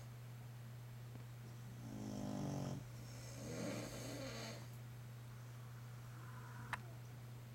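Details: A dad and his dog snoring in turn: a low, rattling snore followed by a softer, breathy snore over a steady background hum.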